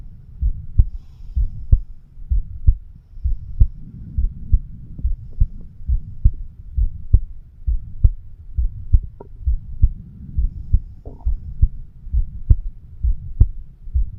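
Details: Self-recorded heartbeat of a 36-year-old male through a homemade microphone stethoscope over the mitral (left ventricle) area: paired lub-dub sounds at about 65 a minute, steady, with light rubbing noise; normal heart sounds.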